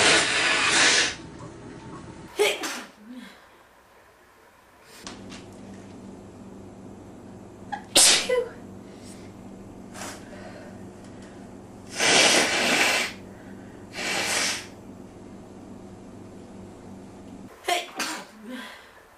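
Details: Male: several loud, explosive sneezes and forceful nose blowing, with quieter breathing and room noise between them.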